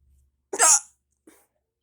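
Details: Hiccupping with mouth open, painful: a sharp, voiced hiccup burst followed by a fainter second hiccup, with silence between; hiccups.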